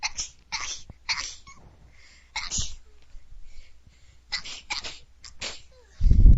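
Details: Person sneezing in a series, likened to a bunny: small, soft, hissy, high-pitched sneezes in quick succession; a normal sneezing fit.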